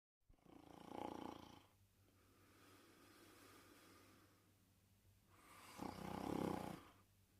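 Two loud, rough inhaled snores about five seconds apart with quiet breathing between, typical of snoring in sleep.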